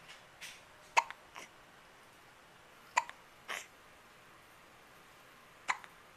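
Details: Child hiccuping while mama talks to the child, recorded on a Flip Video camcorder: abrupt voiced hiccups repeat about every two to three seconds, each followed by a soft breath.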